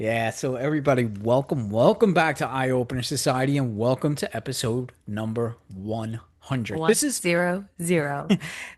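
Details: Adult speaker; ordinary speech.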